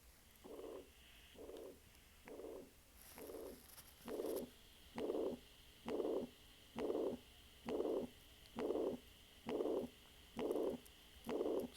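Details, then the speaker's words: Pan-systolic blowing murmur throughout systole, about 67 beats a minute, with soft or absent first heart sound: mitral regurgitation. "this is the mama you're going to hear and it's a pen systolic murmur heard throughout the disc through the sisterly and the important thing is as you can hear there's no first heart sound or very soft heart sound for start sound"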